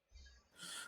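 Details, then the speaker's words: Snoring from a sleeping adult brother in the background of a recording: a brief low, fluttering rumble followed by a breathy hiss, a single snore. "yeah I don't mean to be that guy but that snoring was not coming for me if you guys can hear that that's coming from my brother he's passed down"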